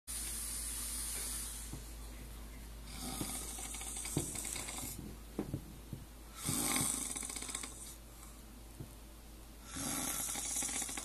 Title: Snoring Monster